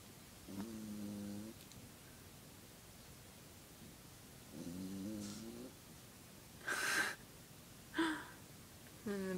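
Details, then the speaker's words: Sleeping Yorkie dog snoring, louder in reality than recorded: loud, drawn-out, unevenly timed snoring breaths with a couple of sharper snorts and quiet room noise between. "So my dog's snoring really loudly. I don't know if you can hear her or not, but let's see if we can."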